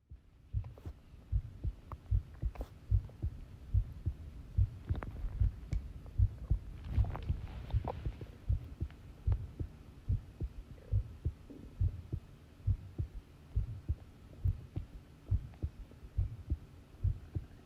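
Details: Long recording of a heartbeat: steady low thumps at about 72 per minute with a faint hum underneath; an ordinary heartbeat.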